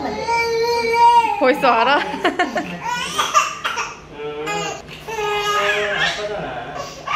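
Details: Loud, wailing cry with sobbing catches from a 186-day-old baby girl (7.6 kg, 66 cm) at an infant health checkup, distressed around rotavirus, DPT and hepatitis B vaccinations.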